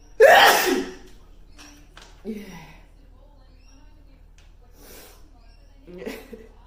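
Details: Woman's single loud sneeze during hay fever season, followed by quieter breaths and small voiced sounds; sneeze.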